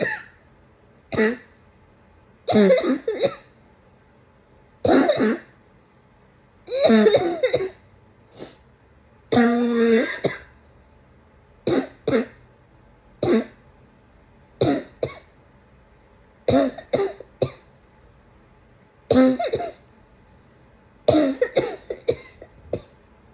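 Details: An adult coughs repeatedly in separate bursts, some single and some in short runs, in a quiet room.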